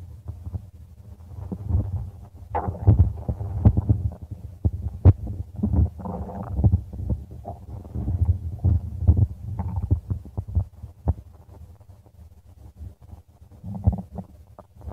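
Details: Stomach growling recording: low gurgling and rumbling with irregular bubbling pops, ordinary bowel sounds (borborygmi).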